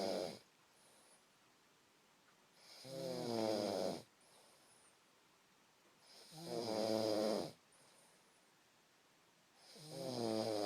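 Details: Snoring during sleep: regular rattling snores about every 3.5 seconds, near 17 a minute, with quiet breaths out between them.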